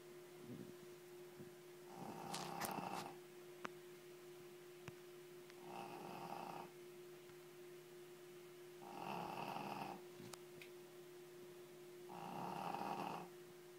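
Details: Loud, rhythmic snoring from a Shih Tzu dog, about 17 snores a minute, over a steady background hum.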